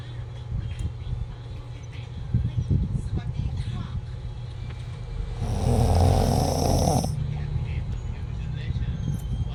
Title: Do you snore?